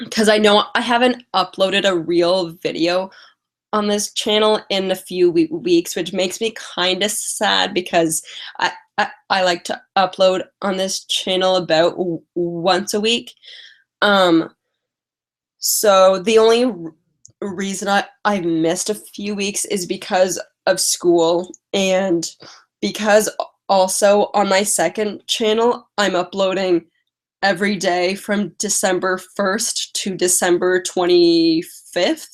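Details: Adult woman with lifelong stuttering, past speech therapy, mostly blocks, especially on vowel-initial words and on 't' and 'c' words; currently has a cold and is tired; stuttering.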